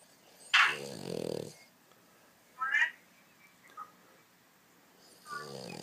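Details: Dog named Mack snoring while asleep, loud rough snorting snores in uneven bursts, some with low buzzing tone, separated by quiet pauses.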